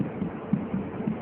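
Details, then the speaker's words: Normal fetal heart sounds, heard with a stethoscope on a pregnant woman's abdomen during a Leopold exam demo, fetus cephalic with back on the right, maternal pulse palpated to confirm: rapid, soft, regular thumps, faster than the mother's pulse. "mana denyut jantung janinan akan lebih cepat dari denyut Nji ibunya"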